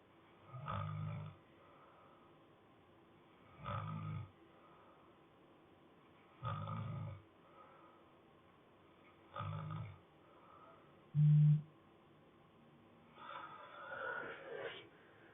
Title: Snoring softly